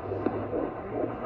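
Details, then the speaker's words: Fetal heartbeat on Doppler at a 24-week midwife appointment: brief rushing, pulsing beats over a steady low hum, heard just before fundal height is measured. "so here's a little video at the midwife appointment i am about to hear the heartbeat that's their heart that's their heart rate what did you say"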